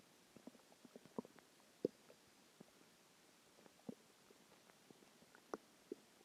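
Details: Stomach growling a few hours after a huge meal (cheeseburger, fries, three eggs, onion rings, cheese stick, chicken tenders): soft irregular gurgles and pops from the belly in a quiet room, normal borborygmi after eating.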